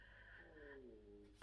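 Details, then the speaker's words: Hungry adult woman's stomach growling before a meal after shopping; a soft, drawn-out gurgling groan sliding downward in pitch, which she says is her stomach crying out. Borborygmi. "j'ai mon ventre qui gargouille. Je sais pas si vous avez entendu, mais il crie."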